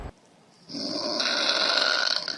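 After a brief quiet pause, a sustained harsh, rattling breath sound on inhalation, consistent with snoring.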